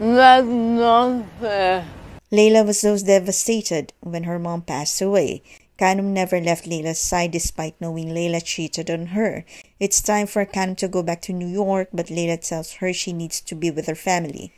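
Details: Adult female narrator; normal fluent speech.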